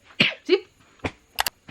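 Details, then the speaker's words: Jamaican woman teacher with voice problems coughing because of sinus drainage and a dry throat: about five short, dry cough bursts in under two seconds, some with a brief voiced tail. "like right now you will hear me coughing because the sign has been draining and it's like just get dry"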